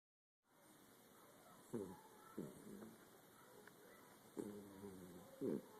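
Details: Sleeping miniature Dachshund snoring: short, soft snorting snores in irregular succession over steady background hiss.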